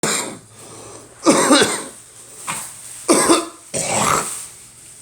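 Four harsh, loud coughs, somewhat wet-sounding, in about five seconds, with short pauses between: a chesty cough during a cold or flu.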